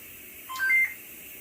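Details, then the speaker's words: Short rising electronic beep from a heated high-flow nasal cannula during a respiratory therapist's training demonstration; after the high-oxygen alarm (limit 95%), oxygen was turned down and this alarm signals being below the alarm settings. "the reason you hear the alarm right now is because it is saying 100% o2 too high now the reason for that is simply because if you'll notice here the high limit for the o2 is set at 95 so if you go above 95 they're going to get that alarm"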